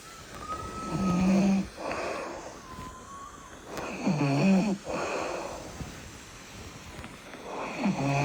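Slow, rough, rattling breaths during sleep, about two or three cycles in eight seconds, over background hum; adult snoring.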